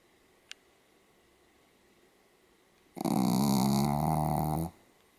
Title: ポメラニアン Pomeranian DOG サムちゃんのいびき Snoring 豪快すぎ 2014年10月6日